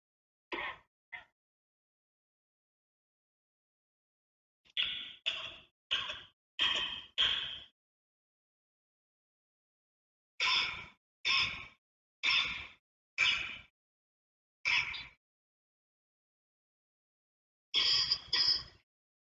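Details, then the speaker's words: About fourteen short, sharp cough bursts in clusters from an EPFL COVID cough database verified by lung specialists. The first and second coughs are from COVID-19 patients and the rest are not. "그럼 다음의 기침 소리 중 코로나 환자의 기침 소리를 여러분이 들어보시면서 구분해 보세요."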